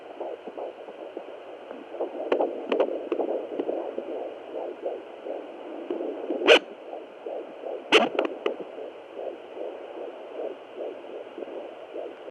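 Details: Irregular fetal heartbeat at 15 weeks on Doppler: rapid whooshing heartbeat, uneven in places, with loud thumps and scrapes from excessive, nearly constant fetal movement.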